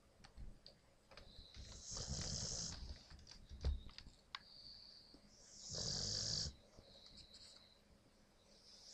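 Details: Snoring from a very tired sleeping dog, the newest family member, who also passes gas: two long, noisy, hissing inspiratory snores about four seconds apart, with faint whistling between.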